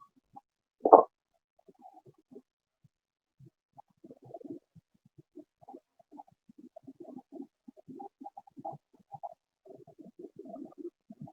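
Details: Moist crackles.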